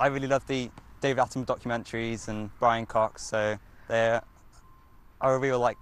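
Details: 16-year-old male teenager with a stammer who finds online communication and video-call learning difficult because of it; stuttering (stammer).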